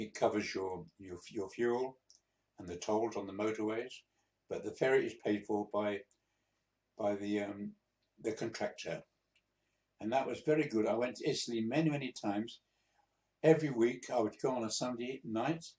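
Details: 82-year-old man, a few months after a mini stroke (transient ischaemic attack), practising speaking to recover; disfluent speech with hesitations and word repetitions.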